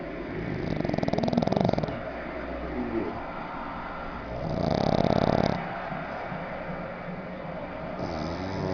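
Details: Pet sleeping sprawled on its owner's lap, snoring very loudly.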